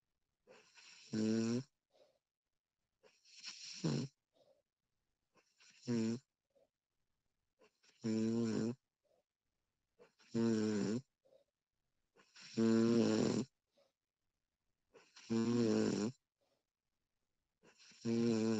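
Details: Snoring recording of a sleeping woman: regular voiced, vibrating snores about 24 a minute, each preceded by a faint breath, with silence between.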